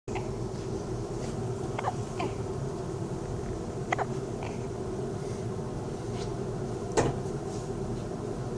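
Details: Newborn with hiccups: soft, brief repeated catches a few seconds apart over steady room noise; newborn hiccups.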